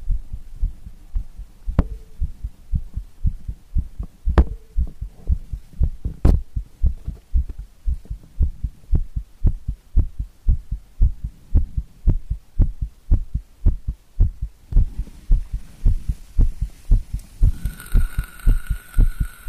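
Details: Loud, deep, regular thumping heartbeat at about 115 beats a minute, recorded after coffee and nicotine; a fast, strong heartbeat.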